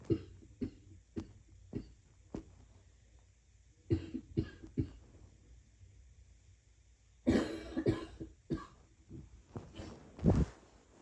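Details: A person trying to sleep coughs repeatedly: short coughs in irregular clusters, around a dozen over eleven seconds, in a quiet room.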